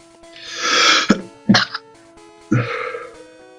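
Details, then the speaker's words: A rising breathy intake followed by sharp explosive bursts: a forceful adult sneeze picked up by a computer microphone over soft game music. "Sorry, had a wicked bad sneeze and I didn't want you guys to hear it."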